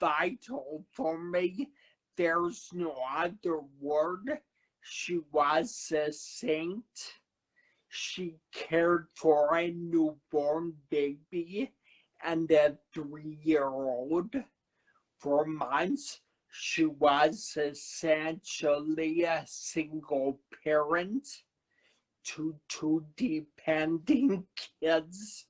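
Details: Adult man who had a cerebellar stroke at 35, has a paralyzed vocal cord and aphasia; finding: slow speech after stroke.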